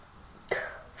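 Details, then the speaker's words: A single sudden explosive sneeze with a fading tail in a quiet room, from someone talking about needing to sneeze but being unable to. "es when that happens it's like when when I need to sneeze and I can't do it I'm just like it's like one of my eyebrows is raised and it's so and uh you know yeah so stuff like that"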